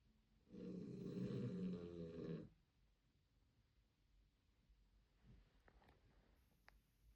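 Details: Puppy's very loud snoring: a single loud, rough, rattling snore of about two seconds, then quiet breathing and faint room noise; described as noisy.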